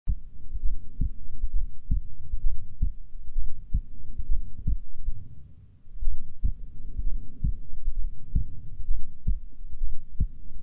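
Steady low thumps at about 65 beats a minute under a soft hum, a resting heartbeat with an even rhythm.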